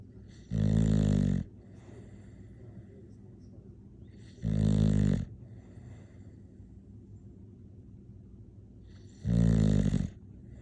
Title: what english bulldog snoring sounds like